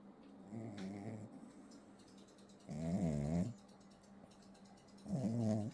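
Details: Fluffy Pomeranian (Zwergspitz) puppy sleeping on a blanket, with fluttering, buzzing snores on the in-breath about every 2.5 seconds, quiet between; snoring.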